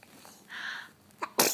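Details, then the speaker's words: A child's single sneeze: a breathy build-up, then a sudden explosive burst of air. "you sneeze and tues don't cha in twos"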